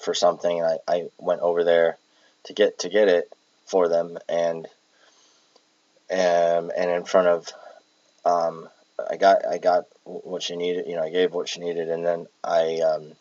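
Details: Palilalia in an adult with Tourette syndrome who has echolalia and palilalia traits, recorded while exhausted with tics affecting speech; audible word repetitions.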